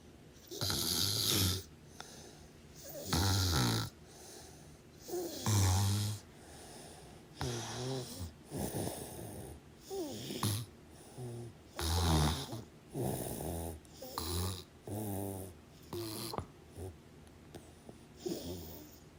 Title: Snoring sounds over 25 minutes! Enjoy